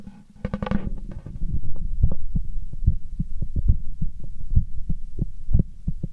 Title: heartbeat sound